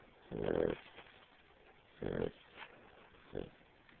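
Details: Puppy a little under 3 months old, asleep: rough, buzzy snorts on each breath a few seconds apart, over steady hiss from poor-quality audio: snoring.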